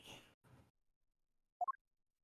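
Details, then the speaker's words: Sneeze from a male roommate in another room behind multiple closed doors, picked up during a livestream; described as sounding like an old man's sneeze. "bless you oh did you hear that that was my roommate he sneezes like an old man"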